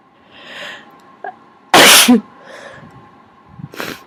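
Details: Person who feels sick with sinus congestion; one loud, explosive sneeze, then a smaller sneeze, with soft nose-blowing sounds in between.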